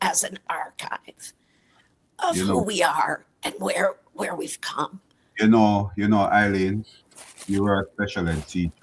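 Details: Adult woman with chronic dysphonia, a voice disorder; real patient speaking; dysphonia.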